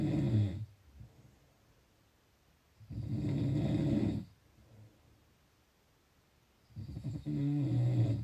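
Loud, rumbling snores on each breath, with quiet pauses between, about 16 breaths a minute.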